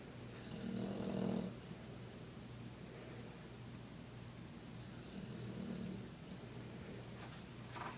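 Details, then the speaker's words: Dog snoring while asleep and apparently dreaming, legs twitching: two soft, rumbling snores about four seconds apart in a quiet room; ordinary snoring. "Victor, why do you snore so loud?"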